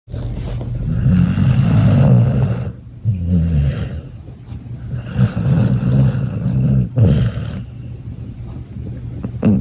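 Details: A sleeping dog gives loud, rumbling low-pitched snores, about three long breaths with snorty rattling on each, separated by quieter exhalations: ordinary snoring.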